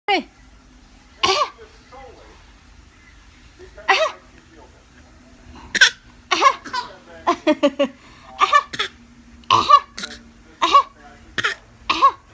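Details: Infant gives a series of short, voiced, cough-like bursts, a deliberate voluntary (fake) cough rather than an illness cough.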